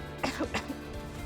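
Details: Adult gives a few quick, acted throat-clearing coughs over background music, staged as throat irritation in an advertisement for an Ayurvedic tulsi-honey-ginger cough syrup; cough / throat clearing.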